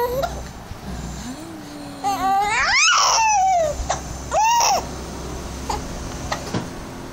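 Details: Baby with hiccups crying: brief fussy infant cries and whimpers with rising, wavering pitch and short pauses in a small room.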